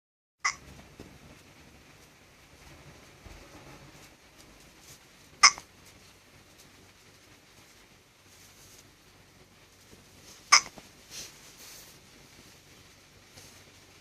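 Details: Three brief, sharp hiccups during sleep, about five seconds apart, roughly twelve a minute, over quiet room noise.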